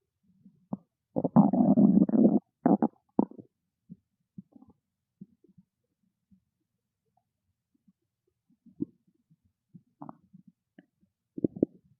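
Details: A loud gurgling rumble, then scattered short gurgles and pops from a hungry stomach; borborygmi, a normal bowel sound.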